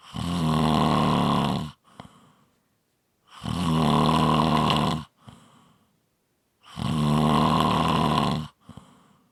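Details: Loud, rough, rattling snores on each breath in, with brief quiet breaths out, about 18 breaths a minute; steady heavy snoring.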